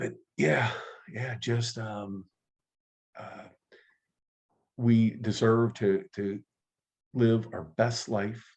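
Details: Adult man who stutters, active in the stuttering support community for over 25 years; stuttering.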